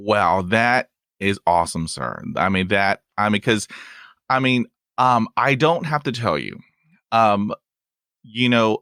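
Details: Stuttering in a real adult male who stutters and says his stuttering is lifelong and comes and goes unpredictably; he reports blocks with long pauses and uses helper words.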